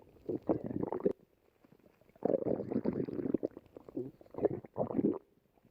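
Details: Stomach rumbling of a male character named in a "love story" clip, on a date at sea, whose tummy is then rubbed: several long, low bubbling gurgles in one-to-two-second bursts with short quiet gaps.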